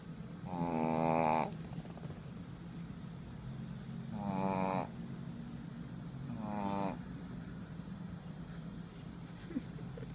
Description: My dog (shih tzu) named FJ snores when she sleeps